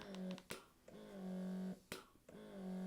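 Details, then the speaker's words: Lansinoh Signature Pro double electric breast pump running: steady motor hum in long strokes with clicks about every 1.4 seconds, cycling at strong suction. "nce you have a letdown you can push this button here and switch it over into expression mode it's going to be a much more rhythmic and slow cycle speed like a baby would do as well"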